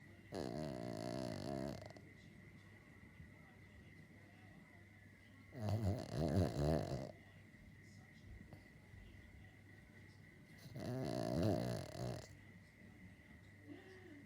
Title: Our Dog Harry snoring.